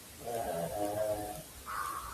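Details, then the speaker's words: Dog snoring while asleep on a couch across the room, faint and distant, picked up and amplified by a computer microphone. "And what cued it for me was the fact that you can probably hear my dog snoring across the room on the couch over there. It got me tickled."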